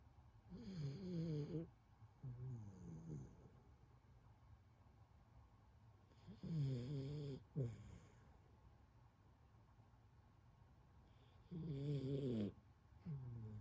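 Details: Zelda, a sleeping puppy, snoring with rhythmic rattling snores on each breath, about 11 a minute, with quiet pauses between; snoring.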